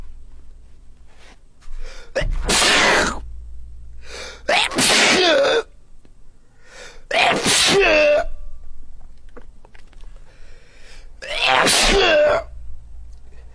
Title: girls sneezing vs boys sneezing